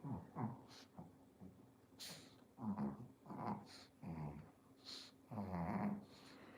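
Repeated harsh, pig-like snorts and grunting noises from a dog, with quiet gaps between bursts; noisy snorting breathing.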